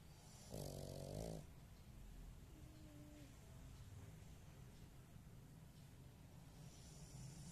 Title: pug talent snoring with eyes open